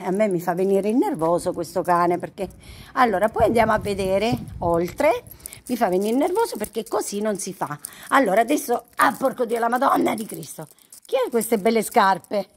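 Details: Female vlogger with Tourette syndrome; sudden involuntary swearing outbursts (vocal tics with coprolalia) interrupt her speech.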